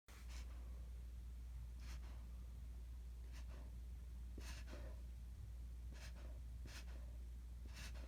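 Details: Reverse sneezing in a dog: faint, repeated, sharp snorting inhalations during an episode.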